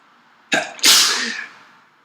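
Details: Tired adult with a summer cold sneezing repeatedly: a quick intake then a loud, hissing sneeze with a short double onset.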